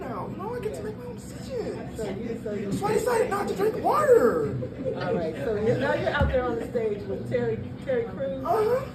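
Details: Breathy voice in a 22-year-old man born prematurely at about one pound, whose vocal cords developed as he grew and still don't close all the way; breathy voice from incomplete vocal fold closure.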